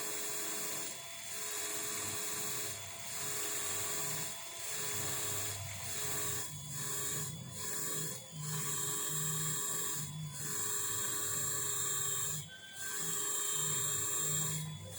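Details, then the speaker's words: Steady high whine of dental implant drilling on a bone model, briefly interrupted again and again as it cuts: minimal drilling with an initial drill then a tapered drill, for a self-expanding implant. "These are the two drills I have used. This is initial drill. This is a tapered drill actually."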